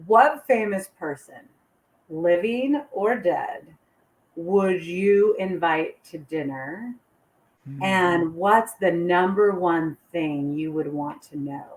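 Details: Adult woman speaking; normal speech.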